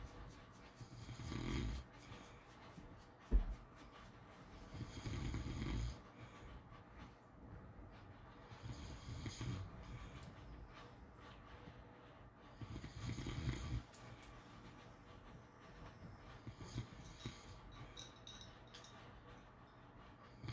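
Slow, soft rumbling snores recurring roughly every four seconds in a quiet room, about fifteen breaths a minute; ordinary sleep snoring.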